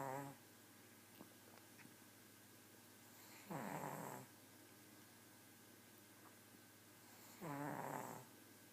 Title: Snoring pug